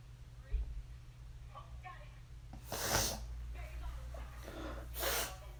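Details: Two loud, sharp sneeze bursts a couple of seconds apart, with faint indoor room noise in between; sneezing.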